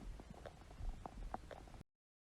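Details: Hungry pet's stomach growling (borborygmi): low rumbling gurgles with brief bubbly pops over about two seconds.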